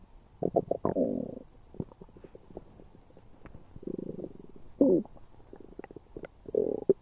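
Gurgling, bubbling and squeaky rumbles in irregular bursts, typical of active bowel sounds.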